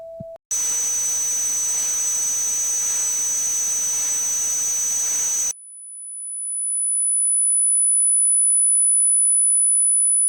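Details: Simulated tinnitus sound test: high steady ringing tones over hiss, then a single piercing high whine that swells louder.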